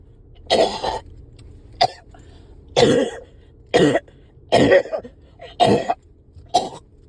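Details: Adult with phlegm stuck, riding in a car, has a coughing fit of about seven harsh, wet coughs and throat clears; productive cough.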